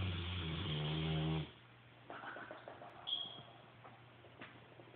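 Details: A sleeping French Mastiff and Bullmastiff mix dog snoring: one deep, buzzing snore followed by softer snuffling breaths.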